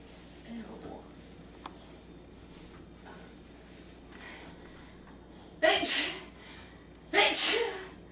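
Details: Girl sneezing: soft breathy sounds, then two forceful sneezes about a second and a half apart over faint room noise; sneezing.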